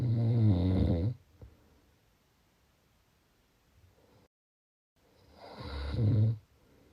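Two deep, rattling snores about five seconds apart, with quiet breathing between them. Ordinary snoring.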